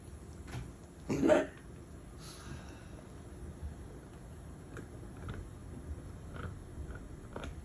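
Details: A dog gives a single short, harsh wheezing cough with a faint whistling edge, then quiet breathing and room noise.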